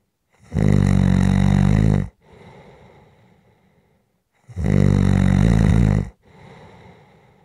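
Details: Loud, rough, rumbling snores on each in-breath with quieter out-breaths between, about 14 breaths a minute; sleep snoring from a relaxation/white-noise recording.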